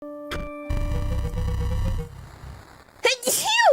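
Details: Single sneeze by a VTuber on a live stream: steady tones and low rumbling background, then a sharp intake and a brief, high-pitched voiced burst, a cute sneeze.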